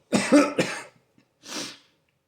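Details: Adult with stage 4 alveolar soft part sarcoma on new immunotherapy, unable to stop coughing: harsh burst of two or three coughs, then a single shorter cough.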